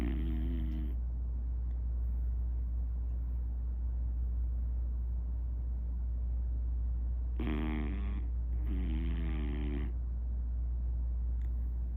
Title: Napping beagle snoring loudly in daddy’s lap.